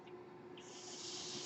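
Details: Steady low motor hum with a soft rushing air hiss that rises and holds: the running sound of the speaker's own mechanical ventilator as they talk.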